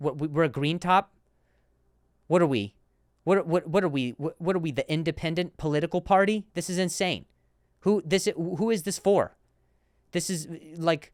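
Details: Male comedian hosting a podcast; repeated words and broken-off words; stuttering.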